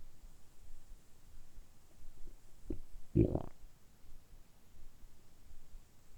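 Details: Deliberately produced stomach rumbling (borborygmi), kept up continuously for about 10 minutes in a close-up ASMR recording. Quiet low belly gurgles with two brief louder rumbles, a normal bowel sound.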